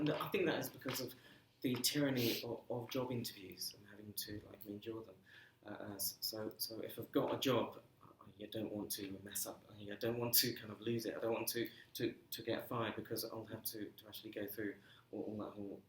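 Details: Stammering since early childhood, persisting throughout his career, in an adult male civil servant.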